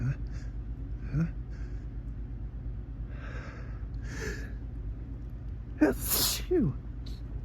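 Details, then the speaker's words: Morning sneezing fit helped along by looking at bright sunlight, which the person believes is not pollen: a sharp gasping intake with short vocal sounds, then a loud sneeze burst. "I don't know what's got me this morning, but the sun is really helping the tickle kind of get these sneezes out."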